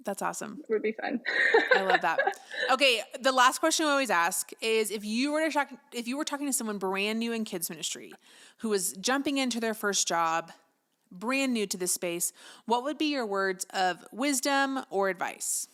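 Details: Adult woman speaking; typical voice.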